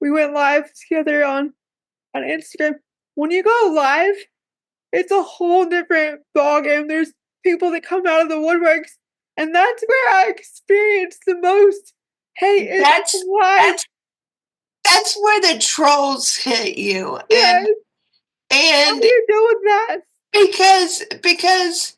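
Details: Dysarthria in a woman with cerebral palsy who reports that talking is hard for her.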